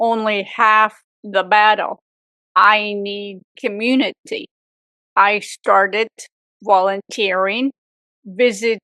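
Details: Adult woman, real stroke survivor, with aphasia for 18 years after a severe stroke at age 44, also reporting apraxia, after speech therapy; aphasia.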